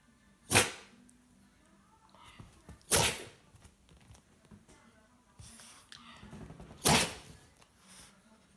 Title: Sneeze dog